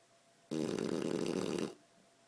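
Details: 8-month-old Shar Pei sleeping, snoring and moving a paw: one loud, rough, rattling snore lasting about a second in a quiet room.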